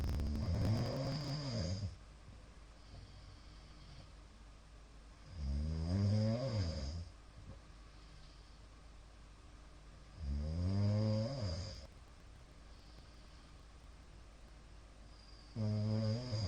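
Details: Middle-aged man's loud everyday snoring recorded on 2022-04-17: loud, rough, rattling snores on each breath in, about 12 a minute, with quiet gaps between. Snoring.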